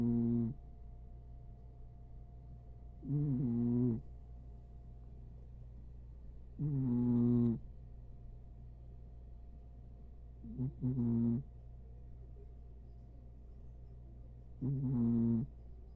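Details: Corgi dog asleep on owner's lap, snoring: slow, regular nasal snores about every four seconds, roughly 16 a minute, over steady low room hum. Snoring.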